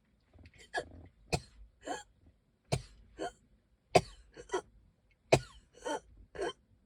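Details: Cough from someone saying they can hardly breathe, reporting wheezing: repeated short harsh coughs in small clusters, about eleven bursts, dry and throat-clearing, no clear wheeze heard.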